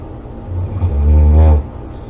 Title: snoring, loud snoring,코골이 July 27 2017